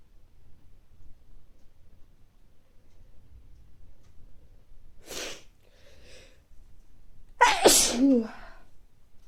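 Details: Adult caught in recurring mild colds over recent weeks, nose not very stuffy but feeling sneezy: a short sharp sneeze, then a louder second sneeze with a voiced tail in a quiet room.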